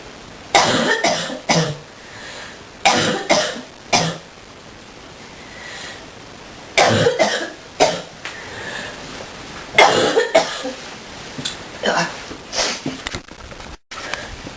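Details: Deep, forceful coughs in repeated clusters over about fifteen seconds against steady hiss; prolonged deep coughing fit.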